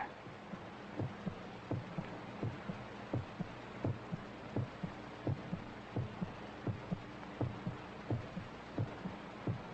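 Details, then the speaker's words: Heartbeat replayed from a tape recording in the film The Astro Zombies, a character lying on a couch listening: steady, regular paired low thumps about 86 a minute, uninterrupted, over background hiss. "Anyways, we see Satana is lying down on the couch while listening to the tape recording. You'll notice the heartbeat is uninterrupted."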